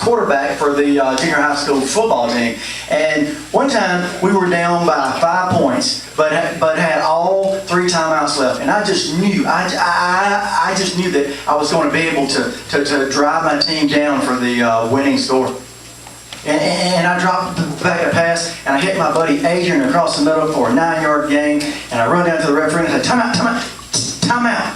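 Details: Adult comedian who stutters, performing stand-up at an open mic; word repetitions heard; stuttering.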